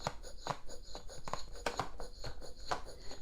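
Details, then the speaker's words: Medela Harmony manual breast pump demonstrated on a breast model, nipple centred in the tunnel: quick, short squeaking and clicking strokes, about three a second, in the stimulation phase used for about two minutes until milk flows. "the medulla harmony has a two expression technology which mimics baby's suckling pattern so what you want to do is at the beginning this is my breast model to show suction at the beginning you want to center your nipple in the tunnel and you're gonna start like this"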